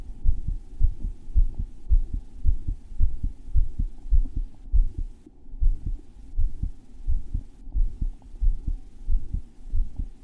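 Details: Male's self-recorded heartbeat after his heart felt thumpy: strong, deep, regular thumping at roughly 110 beats a minute with a low hum behind; a forceful, pounding heartbeat.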